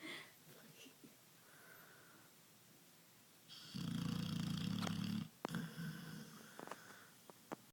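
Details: Pit bull snoring: quiet room, then a loud rattling snore of about a second and a half, followed by softer snuffling breath sounds; dog snoring.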